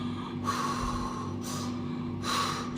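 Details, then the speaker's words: Doctor imitates laboured breathing of a patient with small-airway obstruction, drawing attention to the lips: three deep, noisy, gasping breaths over a steady background hum. "so just notice my lips so in this patient you will often find find the poor sleep types of respiration like"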